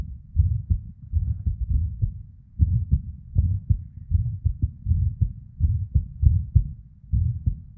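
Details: Irregular heartbeat of a female with PVCs/ectopic beats and a murmur (blood flow sound): low, muffled beats with uneven spacing, early beats and pauses, and soft whooshing between beats.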